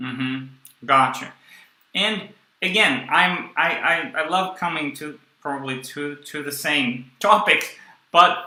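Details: Young adult man who stuttered through his first 18 years and took the Starfish project course; he still stutters and blocks and uses a breathing technique only some of the time. Stuttering.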